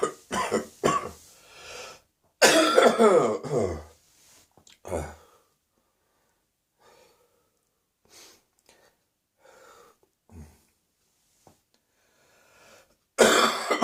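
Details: Morning coughing in an adult whose cough is descending into the chest with ongoing throat pain: several harsh coughing bursts with quiet breathing and throat sounds between, a chest cough.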